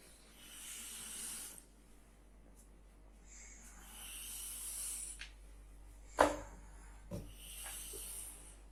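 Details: Person snoring during sleep: slow breathy snores in a quiet room, about one every three seconds, with a sharp snort; snoring from a narrowed, vibrating airway.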